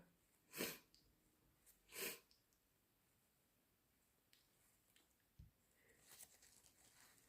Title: Still sick - Strong, loud sneezes and blows